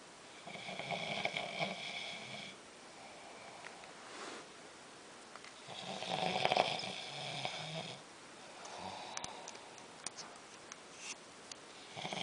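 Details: Soft, buzzing snores at irregular intervals over a noisy, hissing background: snoring.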